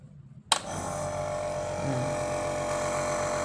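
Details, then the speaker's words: A child with a cold who says he feels weak switches on a nebulizer at home: a click, then the steady buzzing motor hum of the compressor running; no mist is seen coming out. "ఏంటిది అది? Nebuliser. అదేనా నెబులైజరు? ఏమవుతుంది అది పెట్టుకుంటే? పొగ వస్తుందా?"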